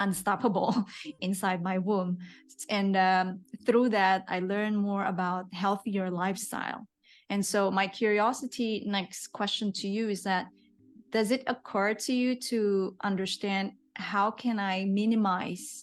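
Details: Adult woman; typical speech.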